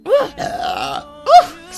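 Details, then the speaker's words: Adult woman streamer, gassy, burping: two voiced belches in quick succession, the first long and drawn out, the second shorter and louder; ordinary burping. "I'm gassy."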